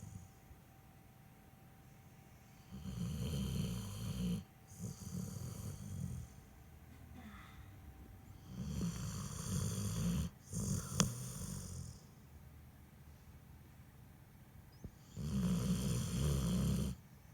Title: Snoring Dog #shorts